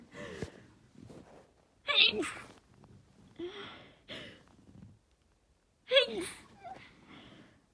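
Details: Stifled, muffled sneezes held back to stay quiet at about 1 a.m. (roommate sleeping), quick breaths between, from someone with a new head cold felt in the sinuses, sneezing non-stop, very blocked nose; stifled sneezes.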